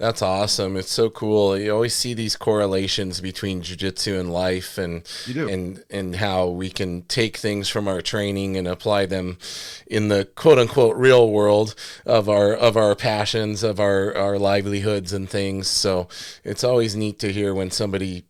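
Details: Adult man speaking; normal speech.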